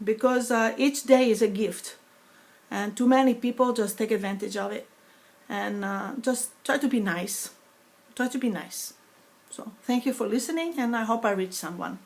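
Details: Woman with foreign accent syndrome after a stroke in 2012, eight years earlier; sounds foreign (sometimes Russian, sometimes Greek) instead of her natural New York accent, less noticeable when speaking faster; foreign accent syndrome.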